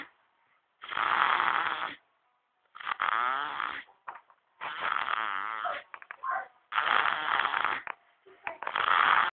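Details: Baby snoring.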